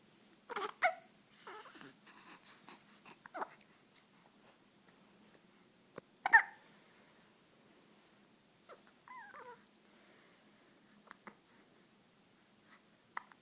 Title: Baby hiccups 2